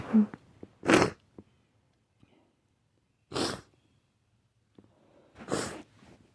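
Three sharp, wet sneeze bursts a couple of seconds apart, with faint snuffling between them; repeated sneezing.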